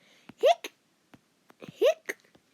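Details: Simulated hiccups: a cartoon character voice (BeatBo) acts out two rising 'hic' sounds with small clicks between them, an imitation rather than real hiccups.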